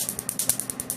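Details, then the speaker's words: Rapid, regular snapping clicks at 10 pulses per second from a laser firing against the skin during removal of a full-sleeve tattoo on a man's left arm; laser tattoo removal pulses. "so you see how quickly he goes ten ulcers per second it's a very efficient process"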